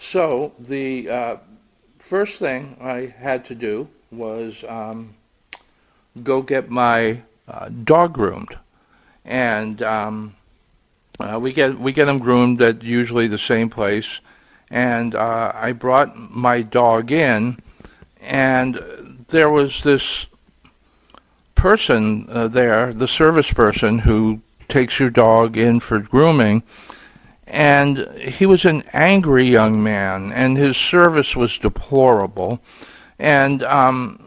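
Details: Adult male podcast host who says his stuttering here is worse because he was frustrated that day; stuttering.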